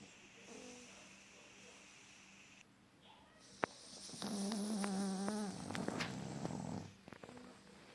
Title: Pug snoring